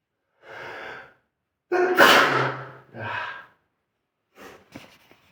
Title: Sneezing on toilet